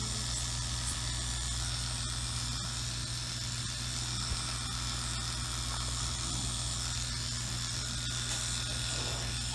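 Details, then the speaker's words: Electric clippers shaving a small patch of fur on Oscar, a dog, to create a sterile field for catheter placement before dental procedure and lump removal: continuous buzzing motor hum with steady whine. "we just shave a little bit of hair so we create a sterile field then we scrub get it clean"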